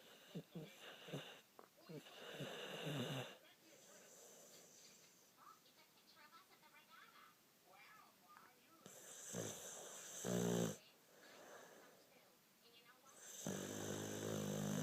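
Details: Sleeping dog: irregular rattling snores and snorts, with some room noise; dog snoring.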